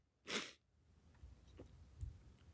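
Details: Self-recorded attempt to sneeze by sniffing black pepper: one brief, sharp sneeze followed by faint room noise. Sneeze.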